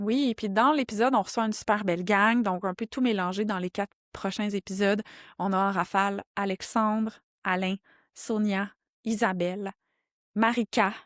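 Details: Adult woman speaking French; no speech disorder.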